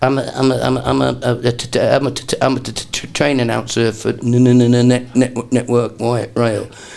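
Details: Imitated stuttering performed by an adult male comedian in a comedy routine; not a real speech disorder.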